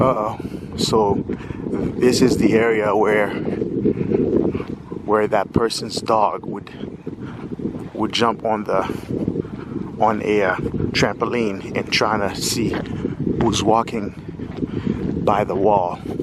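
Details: Stuttering in a 46-year-old adult male speaker who has lived with a stutter his whole life.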